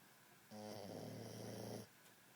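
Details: Dog relaxing; one long, low, buzzing rattle on a breath over a quiet room: a single dog snore.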